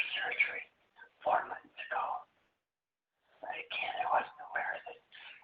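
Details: Breathy voice in a woman with left unilateral vocal cord paralysis from a left recurrent laryngeal nerve injury during thyroid surgery. Incomplete laryngeal closure lets air escape.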